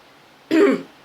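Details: Cough in a person who is unwell, with worsening health, a voice growing lower and deeper, and a sore throat: a single short, husky cough, close to a throat clear, against quiet room noise.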